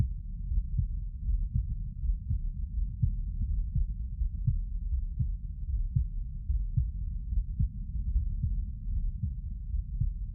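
Regular low thumps through a stethoscope, about 80 a minute, over a steady rumble: normal heart sounds.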